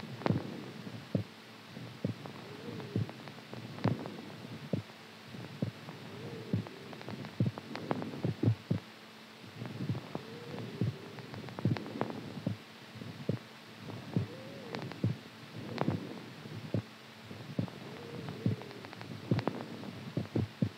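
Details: Heartbeat recorded during sleep, strong low thumps at about 69 a minute with clicks and a soft hum behind: heartbeat.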